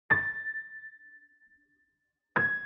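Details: Diplacusis simulation.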